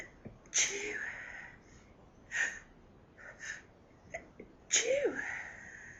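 Rapid series of about five sneezes in six seconds, with quick inhalations between: a sneezing fit from allergy.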